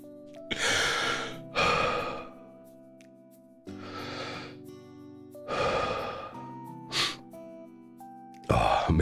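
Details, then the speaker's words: Adult still sick, over soft background music: six harsh, dry cough bursts with a thin wheeze piercing through them, unlike a productive cough; dry cough with wheeze. "maybe another time but like can you hear that when I cough like that wheezing that wheezing um that like pierces through the coughing like that is what worries me"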